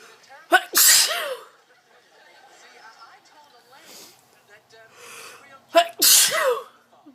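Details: Repeated sneezing fit in someone who cannot stop sneezing: two forceful sneezes a few seconds apart, each a sharp catching breath then an explosive burst.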